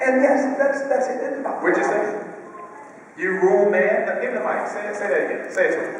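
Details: Adult male speaker; normal voice.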